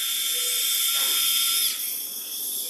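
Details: Steady high-pitched drill whine with a brief grinding change, then a drop in pitch, as the drill works on bone during live endoscopic sinus surgery.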